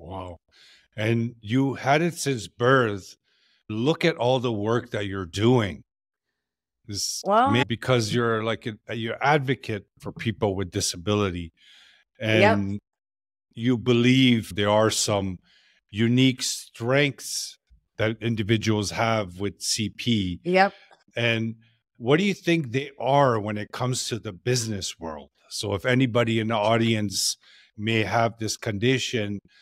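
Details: Adult male speaker, interview; normal speech.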